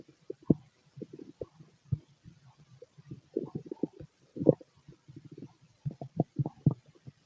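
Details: Male stomach and bowel sounds during digestion: constant low gurgling and bubbling with many irregular pops and rumbles.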